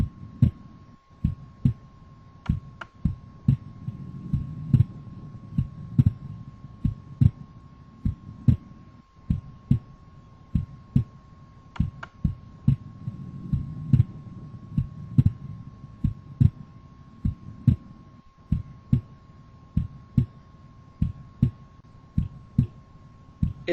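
Steady, regular low heart sounds from a simulator over a faint constant hum; the second sound splits during inspiration, a normal physiological split.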